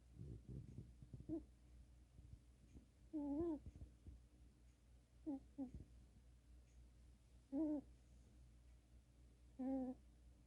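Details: Soft, short, squeaky pitched snores several seconds apart from a sleeping cat over quiet room noise; owner unsure if it is real snoring; snoring.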